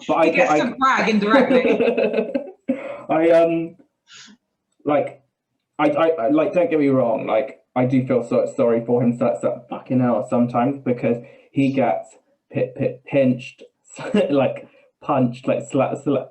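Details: Man with Tourette syndrome whose tics are involuntary swearing and blurted phrases mid-sentence, who also has a stammer that worsens under stress; Tourette syndrome (vocal tics, coprolalia).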